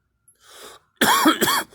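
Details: Self-recorded cough: a soft breath, then two quick voiced coughs with a throat-clearing quality.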